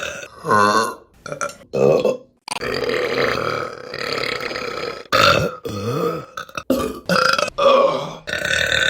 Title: Burping Compilation January 2024 #1 |